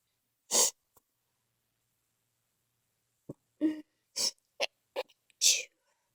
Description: Sneezing fit after being outside. some stiffled some not